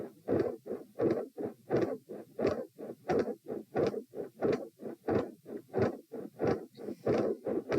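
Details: Heart sounds recorded at position p, lying down, during a Valsalva maneuver: regular paired heart sounds at about 88 beats a minute while straining.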